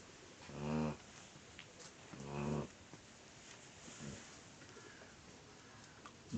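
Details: 5-month-old chocolate Labrador puppy sleeping: two rattling, low snores about 1.5 seconds apart on in-breaths over faint room noise; snoring.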